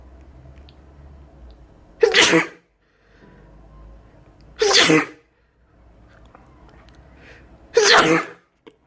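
Three forceful sneezes, each a sharp burst of air, spaced a few seconds apart, with quiet room noise between them.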